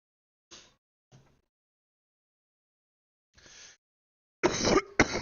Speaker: oh my God these coughs are [ __ ] with me right now bro out of all the days I'm be coughing like it sounds like it